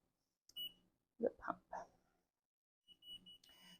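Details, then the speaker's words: Hospira patient-controlled analgesia (PCA) pump during setup: short electronic beeps and high chirps with faint handling noise, an alert because the syringe barcode is not lined up with the pump's infrared scanner. "you'll also want to make sure that this barcode here lines up with the infrared scanner on the back of the PCA pump if it does not line up which I'll show you in a second you will get an alert from um"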